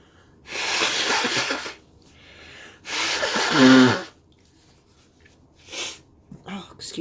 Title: Induced end of cold sneezes 🤧